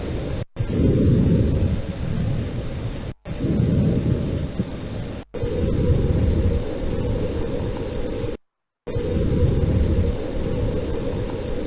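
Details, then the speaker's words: Simulated normal vesicular breath sounds in a teaching practice, demonstrated as the normal pattern. "se dan cuenta esto que acabamos de escuchar es lo normal es así como debería contarse"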